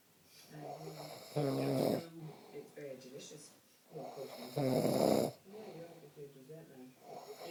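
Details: Adult man's snoring (he denies snoring): loud, rough, rattling snores on breathing in, with quieter breathing between, about two snores in seven seconds.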